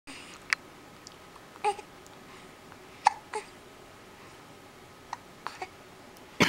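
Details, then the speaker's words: Hiccups: several short, sharp hiccup sounds at irregular intervals in a quiet room, with faint vocal noises between them. "Do you got the hiccups? Huh? Do you got the hiccups?"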